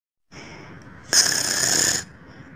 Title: My funny snoring sound